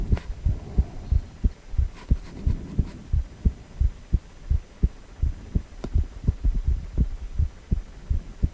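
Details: Adult male heart on ultrasound, 4-chamber view: steady, regular low thumping heartbeat, about 85 to 90 beats a minute, with a soft background hum.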